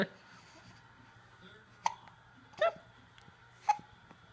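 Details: Three abrupt, brief hiccup sounds at irregular intervals over a few seconds, with quiet room noise between: hiccups.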